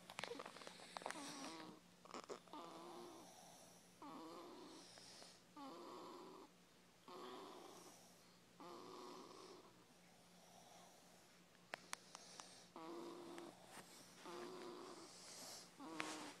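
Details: Steady rattling snores during sleep, about seven breaths in sixteen seconds, some with a brief whistling edge; ordinary snoring.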